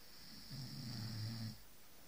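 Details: Single low, rattling snore lasting about a second over faint room hiss.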